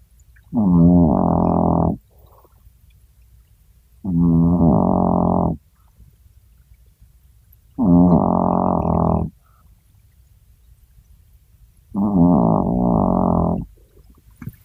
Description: Holden the Chihuahua sawing logs. How does such a tiny dog make so big a noise.